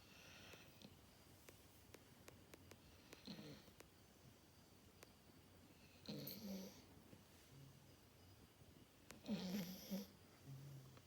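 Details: Snoring in a sleeping dog: soft snorting, rattly snores recurring every few seconds in a quiet room.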